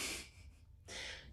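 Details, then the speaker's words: Pet named Scooter snoring loudly in the background during a yoga class, loud enough that the instructor feels the need to shout over him: snoring. "i don't know if you can hear scooter but he is snoring"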